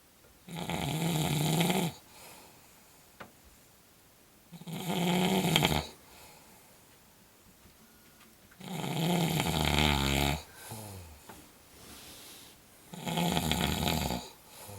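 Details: Woman snoring in her sleep: four loud rattling snores on inhalation, about 15 a minute, with quiet exhalations between.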